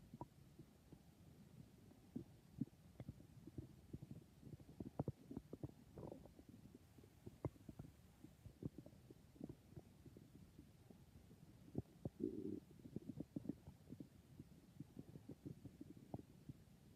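Steady run of soft low gurgles and pops with a couple of short squeaky rumbles; ordinary stomach growling.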